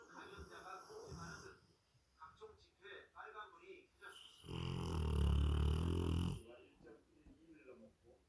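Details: Sleeping big dogs, a Rottweiler and a Labrador Retriever, both snoring; one loud, low rumbling snore of about two seconds with softer snuffling breaths around it; snoring.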